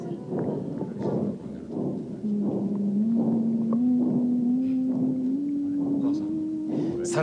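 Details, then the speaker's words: Recording made inside the pregnant uterus: muffled, drum-like thumps at about 85 a minute, the mother's heartbeat as heard by the fetus in utero. "実際に妊娠中の子宮の中で録音した音を聞かせてもらいまし[音楽]た太鼓の音のように響くのは母親の心臓の音[音楽]"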